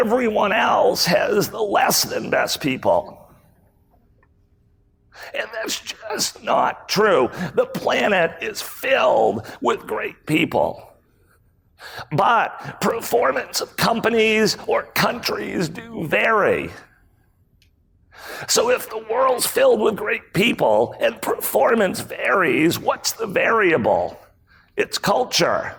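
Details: Spasmodic dysphonia, a rare voice disorder acquired in 2010 by an adult male CEO; throat muscles spasm and contract when he talks, sometimes making speaking difficult.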